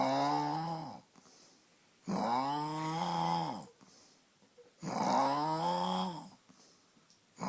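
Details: Llama snoring: long droning, buzzy sounds repeating about every two and a half seconds, with quiet gaps between.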